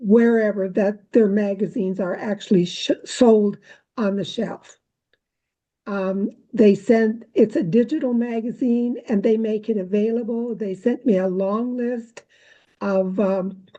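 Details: Adult woman speaking; normal speech.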